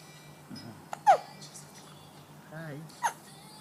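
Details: Infant hiccups during a hiccup bout: two sharp, abrupt catches of breath with a brief soft vocal sound between, over faint background music.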